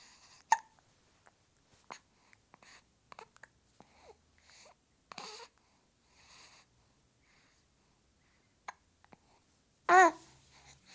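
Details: 7-week-old baby girl with hiccups: soft, brief, repeated hiccups with small vocal squeaks and a short louder cry-like sound near the end.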